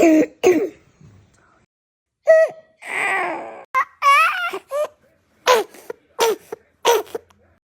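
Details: Child with croup: harsh, barking coughs alternating with high-pitched, crowing breaths in, typical of inspiratory stridor with croup cough.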